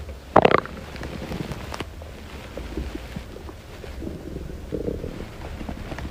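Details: Hunger-related stomach growling (borborygmi) from a girl: a brief loud squeaky gurgle followed by softer low rumbles and bubbling.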